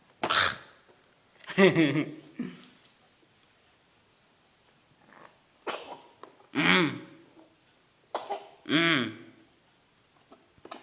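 A young child coughs in separate bursts, about five or six coughs with pauses between, some with a voiced, harsh quality.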